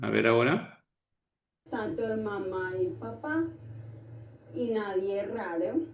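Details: Female patient with hereditary cerebellar ataxia showing ataxic (scanning) dysarthria, nearly uniform and milder than a drunk person's, with rate alternating slow and fast and irregular emphasis.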